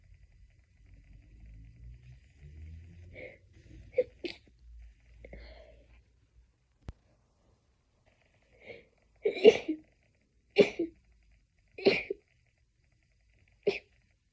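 Series of about six short, muffled sneeze bursts with quick catch-breaths before them: stifled sneezing fit, held back rather than released openly.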